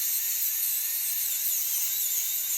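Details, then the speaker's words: Continuous shrill whine of a high-speed dental drill cutting through a PFM crown on tooth #19 of a live patient to create endodontic access for root canal therapy. "so if you guys are asking uh how I make my Android access to crowns this is how so I already went through this is the PSM cram so I already went through the TSM crown and now I'm just gonna"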